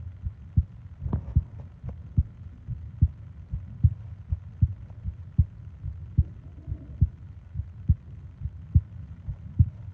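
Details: Regular, soft heart thumps at about 70 a minute with a low hum and a faint breath, from a 20-minute ASMR heartbeat and breathing sleep recording; a normal heartbeat.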